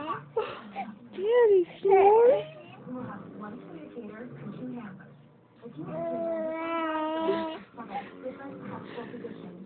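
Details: Infant girl crying as she watches her father nap and snore: short rising whimpers, then a sustained wailing cry, with background music; ordinary infant cry.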